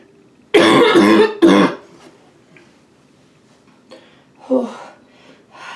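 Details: Quick coughing fit in a bathroom: two loud, harsh coughing bursts close together, then quieter gasping breaths in a small echoing room. Eyes watering from gasping for air, with a little spitting.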